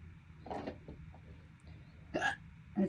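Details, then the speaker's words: Sudden short voiced catches in the throat, recurring every second or so against quiet room noise; persistent holiday hiccups lasting over 12 minutes, worsening and painful. "They're getting worse. God damn. They're getting painful. This is not noral. Holiday hiccups."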